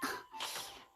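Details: A single short, sharp human cough from a gamer over game sounds and music while streaming Ghost War; cough.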